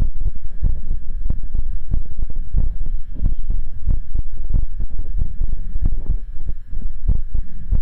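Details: A streamer's own heartbeat picked up by a microphone during an ASMR stream, steady, rapid low thumps at about 100 a minute under a constant hum; the streamer says it is beating hard, with two normal pumps then two very hard ones; a normal heartbeat.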